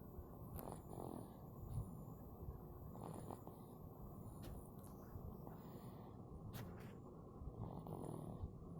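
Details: A person snoring during sleep: low, rough, rumbling breathing noise throughout, with a few louder surges.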